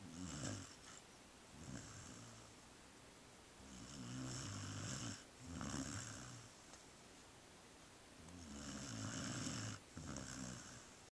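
Slow, regular rattling snores, about 13 a minute, each with a noisy breath in and out; snoring during sleep.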